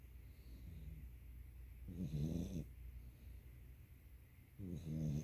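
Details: Dog asleep on owner's lap with head on belly: two low, rattling snores on the in-breaths, separated by quiet out-breaths; loud snoring.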